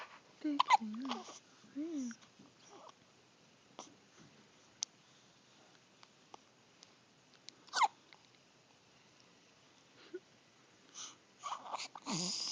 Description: 6/21/11 - I can has hiccups!